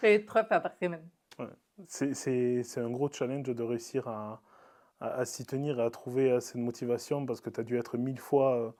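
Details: Adult man speaking French; typical speech.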